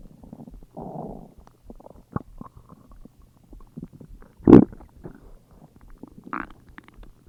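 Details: Low gurgling rumbles and short squelches from the belly, with one louder burst; ordinary stomach growling.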